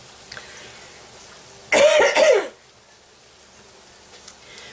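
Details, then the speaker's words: A woman coughing while cooking pancakes, saying her illness has come back just as she thought she was over it; she mentions having had antibiotics and IV antibiotics. A brief pair of harsh coughs close together in a quiet room. "again now, y'all. I thought I was over this mess. Right when I think I'm over it, here it comes."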